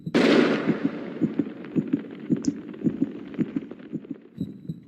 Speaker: A heartbeat is the sound of your heart squeezing together as it pumps blood around your body.